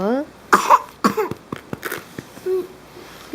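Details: Young child, recorded 25/05/13, copies mummy's cough with a few short, playful cough-like bursts and brief vocal sounds between; imitated, not a real cough.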